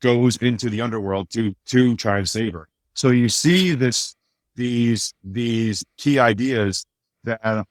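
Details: Adult man with a speech impediment since childhood, much worse then and greatly improved now, still slightly audible; mild speech disfluency (residual speech impediment).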